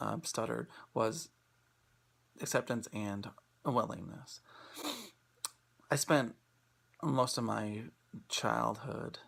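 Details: Adult who self-identifies as a person who stutters, presenting for International Stuttering Awareness Day 2016; stuttering.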